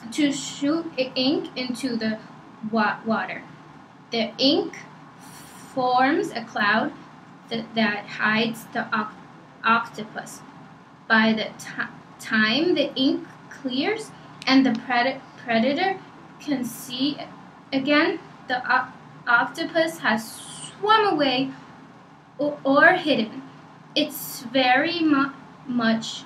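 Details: Maya reading aloud in a stuttering assessment; repetitions; stuttering.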